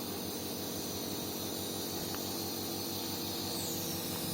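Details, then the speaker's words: Steady mechanical hum and buzzing as a nebulizer compressor is switched on during a clinical skills lab demonstration of inhalation therapy; nebulizer compressor running. "sebelum kita Nyalakan saklar on-off nya pastikan bahwa zat Nebulizer ini sudah terhubung ke gaya listrik"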